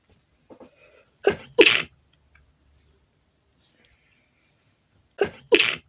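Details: Induced sneezing fit after snuffing chhinkni powder: two pairs of sharp, explosive sneezes, some loud and some stifled, each preceded by a quick inhaled catch, with faint stifled sounds between.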